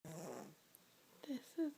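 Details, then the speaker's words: Snoring Yorkie, a 5½-year-old mother dog, asleep: a single rough, rattling, human-like snore, then brief soft vocal sounds in a quiet room. "baby coming miss Leckie and as they can hear her she snores like a human I don't even snore this much"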